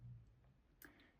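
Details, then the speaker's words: Single faint, sharp puff from a pet lizard sneezing after eating a lot that day, against quiet room noise. "did you know that some lizards if they have too many nutrients in their system they will sneeze out excess vitamins and minerals"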